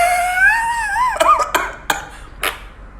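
A drawn-out high voiced sound, then four short deliberate coughs, acted for comic effect.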